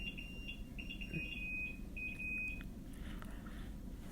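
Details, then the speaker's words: Faint, repeated electronic beeps from bedside equipment over a steady room hum during labor, about 60 hours after the waters broke. "A lot of stuff is beeping, but don't worry about that."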